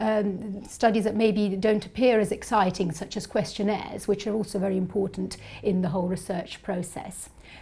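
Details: Adult woman speaking; ordinary speech.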